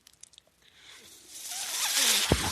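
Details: Speaker's own mechanical ventilator breath cycle, heard as the machine delivers a breath.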